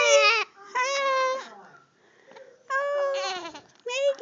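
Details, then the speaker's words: Infant girl with hiccups, close up: loud, high-pitched wails and fussing in bursts with short pauses; infant crying and vocalizing during hiccups. "megan oh you so loud hello baby hello baby oh i don't like these hicups"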